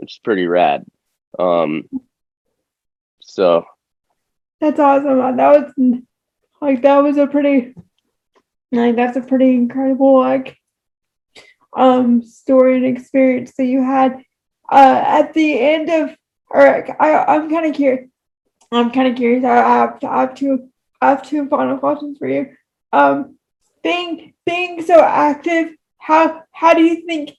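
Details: Woman with cerebral palsy, moderate to severe, affecting all four limbs and her speech; dysarthria.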